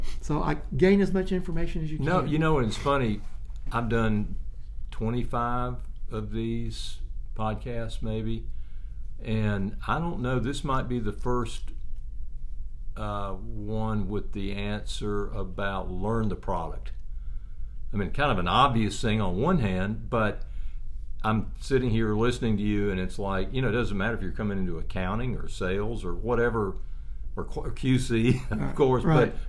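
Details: Adult male speaker; normal conversational speech.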